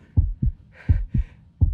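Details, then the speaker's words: Quickened heartbeat after exertion (feeling winded): paired low lub-dub thumps, steady at about 80–85 beats a minute, with a brief soft hiss between beats. "Iyon ang tibok ng puso ko. Ang bilis, no?"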